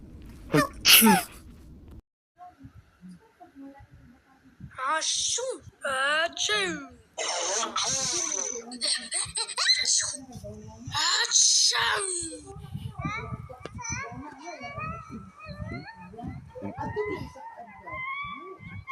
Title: 1 trillion sneeze